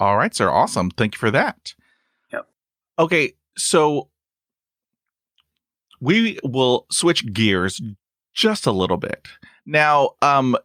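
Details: Adult male with persistent stuttering, including blocks and long pauses, who uses helper words; stuttering.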